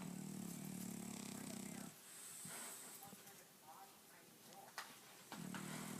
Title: Louie the Frenchie - now that's a snore